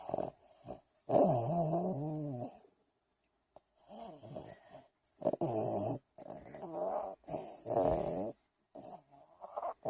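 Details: Sleeping Rat Terrier (small dog): repeated rumbling, wheezy snorts and grunts, some with a growl-like tone; loud snoring.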